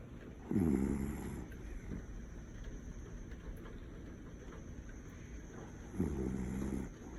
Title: my dog snoring in her sleep